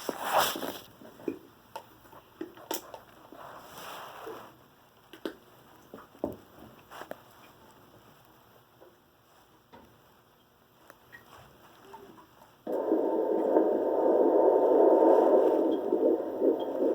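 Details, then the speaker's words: Fetal Doppler at 13 weeks of pregnancy: static and faint clicks, then a loud whooshing fetal heartbeat at about 150 bpm, a normal rate, with the mother's slower uterine artery pulse in the background. "there's 101 50s which is a normal part rate for a baby and about twice what yours is"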